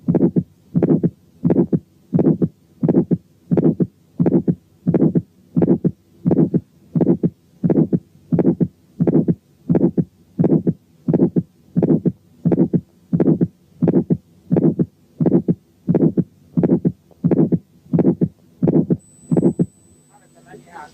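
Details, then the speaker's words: Aortic stenosis heard at the first aortic area with the stethoscope diaphragm: regular heartbeat near 87 a minute with an ejection click and a rough ejection systolic murmur. "7 كان ايورتيك ستينوزيس عامل ايجكشن كليك وايجكشن سيستوليك ميرمر."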